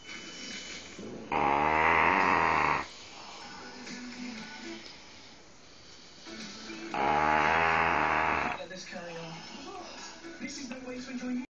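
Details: Dobermann dog sleeping after a day of lying about: two loud, rough, rattling snores about five seconds apart, with quiet breathing between them and faint room noise.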